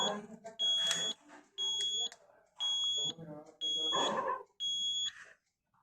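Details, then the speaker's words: Zoll EMV+ mechanical ventilator in pressure mode, training demonstration: repeated high-pitched alarm tones about one a second over quiet speech, because the lower alarm limit is set too high; mechanical ventilator alarm. "vamos a configurar bien las alarmas entonces aquí nos está indicando que que el límites inferior está muy muy alto Entonces vamos a bajarlo"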